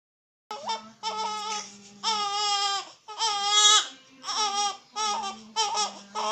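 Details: Loud, high-pitched, rhythmic infant wails in repeated bursts with breaths between them; ordinary infant crying.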